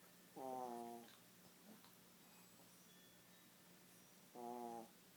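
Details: Snoring during sleep: two tonal, whistling, high-pitched snores about four seconds apart, one with each breath, over a low steady hum.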